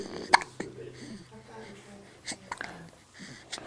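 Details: Infant hiccuping with eyes open: small, sharp hiccups against soft adult talk and baby sounds.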